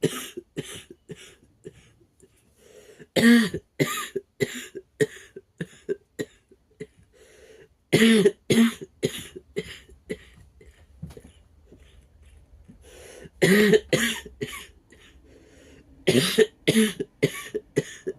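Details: A child's harsh, barking coughs in repeated clusters, typical of an upper-airway cough such as croup.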